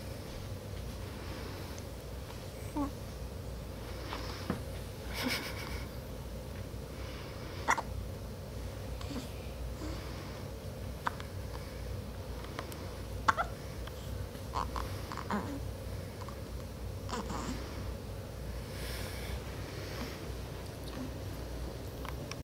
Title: Little guy gets the hiccups